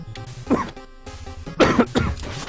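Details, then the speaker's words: Adult recently had a cold and is getting better, coughing from time to time while streaming a game: a couple of short throat-clearing coughs over background game music. "Excuse me, I just got a cold recently, so kind of just getting better from that. So you will hear me coughing from time to time."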